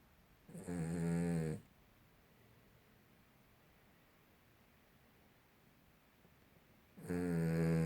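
Two loud, rough, buzzing breath sounds about six seconds apart with quiet between them: snoring.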